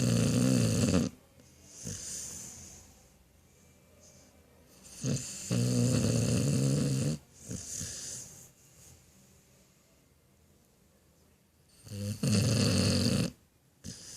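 Loud, low, rattling snores come with each breath, three in about fourteen seconds, separated by quiet pauses: ordinary dog snoring.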